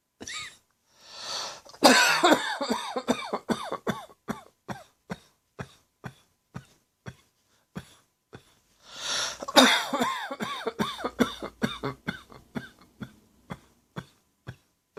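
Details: Two bouts of rapid, harsh, dry evening coughs, each a string of short hacking bursts that taper off; dry cough attributed to a throat tickle combined with acid reflux.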